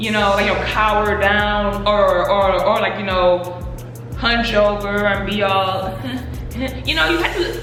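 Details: Adult woman who stutters, speaking in a Q&A about her own stuttering; stuttering.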